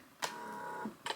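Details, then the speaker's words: Vet BP-Pro veterinary automatic blood pressure monitor on a small dog, small cuff on her foot, medium/small dog setting: steady pump hum between clicks as the cuff inflates. "And you can start to hear it measuring already. That is blowing up on her foot."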